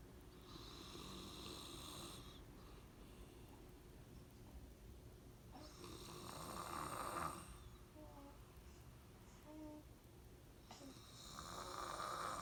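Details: Rough, rattling snores with each breath in, about every five seconds, from a sleeping adult man; snoring.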